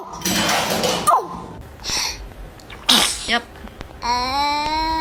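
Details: Two small, sharp sneezes from a newborn, followed by a brief cry; ordinary newborn sneezing.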